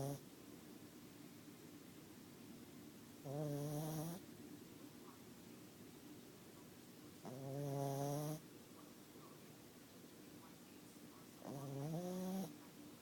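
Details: Snoring: three loud, rough, buzzing snores on inhaling, about 14 a minute, with quiet breathing between them.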